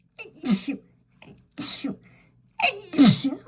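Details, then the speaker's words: Adult woman sniffing lavender bath essence that makes her sneezy: quick indrawn breaths building up, then sharp explosive bursts through the nose and mouth in a quiet room; sneezes. "Oh, I think I'm gonna sneeze, you know. I think I'm gonna sneeze."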